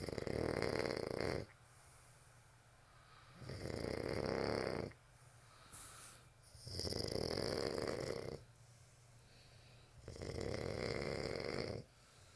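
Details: Loud, rough snores on each in-breath, about 20 breaths a minute, with quiet pauses between: ordinary snoring.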